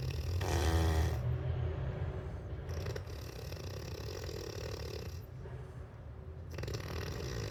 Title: Snore sounds like a truck on manual and gear sucks